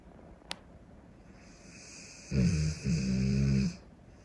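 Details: Large Cane Corso dog asleep, snoring: quiet room, a single click, then one deep, rumbling snore drawn in two parts.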